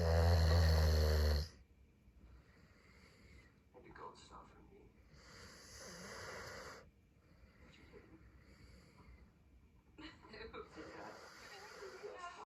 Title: snores through The Crown